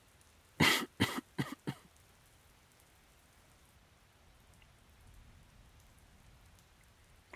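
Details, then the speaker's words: Acted cough in an audio roleplay of a sick adult male boyfriend with a cold: a short run of four dry coughs, then quiet room noise with faint rain. "okay fine i have a little baby cough i just take some cold medicine i'll be all right be right as rain"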